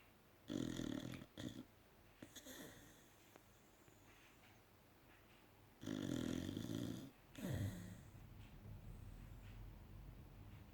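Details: Two loud rattling snores a few seconds apart with soft snuffling breaths between, from a sleeping Staffordshire bull terrier recovering from anaesthetic; snoring.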